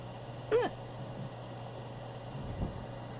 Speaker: Welcome to another ASMR video where I have the hiccups.